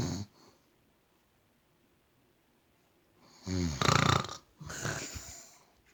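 A silent pause, then a loud rattling snore followed by a noisy breath, in a quiet room.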